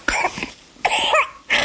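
An infant gives about three short, wet-sounding cough bursts, with a brief whimper between them. The cough reflex is clearing mucus that has been moved up into the large airways and bringing it out, as in airway clearance for cystic fibrosis.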